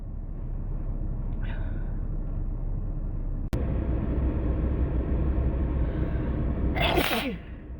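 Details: A single loud sneeze near the end over steady low rumbling background noise, while sick with a cold; the person says they induce many sneezes while sick and tries to hold them back.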